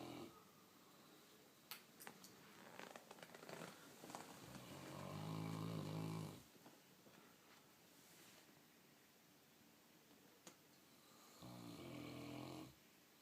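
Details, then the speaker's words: Long, deep rumbling snores from a sleeping St. Bernard dog, separated by quiet pauses; ordinary snoring. "The snoring dog. Of course, he gets quieter when I pull out the video camera."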